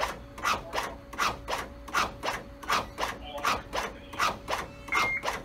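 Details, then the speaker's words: ZOLL AutoPulse mechanical CPR band on a training mannequin with advanced airway, switched to continuous compressions: steady rhythmic whirring and rasping cycles, about 80 a minute, without pauses. "all I have to do is press that grey button it switches from 30 to 2 to 6 X 2 6 to 1"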